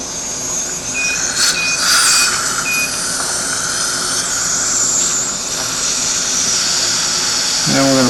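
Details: High-pitched whine with hiss and room noise as a dental surgical motor drills pilot holes for mini implants on the second side, upper denture stabilization under anesthesia; dental surgical drill.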